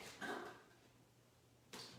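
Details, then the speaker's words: A female cat coughs away at a distance, with two short, harsh, partly voiced hacking bursts. "my god she's just coughing away"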